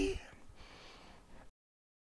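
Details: Breathy, weak voice from vocal cord paralysis: one vocal cord does not move, leaving a gap between the cords through which extra air escapes.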